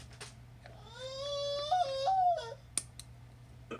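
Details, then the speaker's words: One-year-old child crying in the background: a brief, high-pitched wailing cry that rises and wavers over a low room hum. "I'm sorry for the background music that's my one year old"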